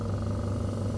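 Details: Medpro suction machine running during a pressure-adjustment demo with the tube kinked: steady low continuous motor hum; suction machine running, not for medical reference.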